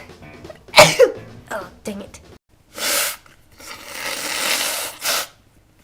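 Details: Sharp, voiced allergy sneeze followed by forceful nasal blowing and further explosive sneeze bursts from a person who says they have taken three allergy tablets.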